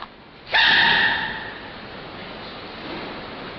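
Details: Sneezing panda: a single sudden, sharp, slightly squeaky burst fading within about a second over steady room noise, an animal sneeze.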